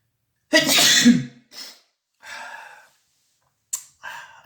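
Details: One loud, explosive, deliberately self-induced sneeze followed by a few breathy exhales and sniffs; sneeze.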